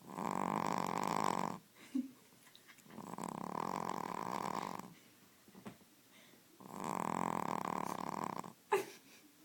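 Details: Lucy, 16 weeks old, snoring away.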